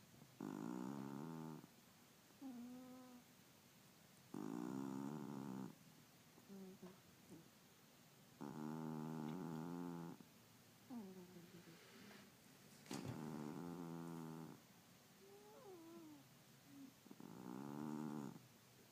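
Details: Snoring during sleep: regular droning snores about a second long, alternating with softer whistling out-breaths, roughly every four seconds.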